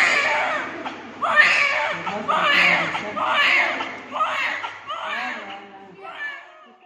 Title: So cute! Cries of new born baby